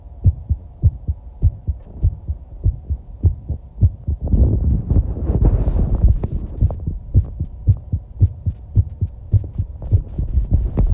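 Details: Own heartbeat recorded while lying down and breathing: steady paired thumps at about 100 beats a minute, briefly masked by a rushing breath or stomach growling.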